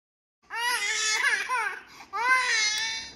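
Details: 7-month-old infant who won't stop crying and keeps cat-napping: two loud, sustained wailing cries with a brief breath between them.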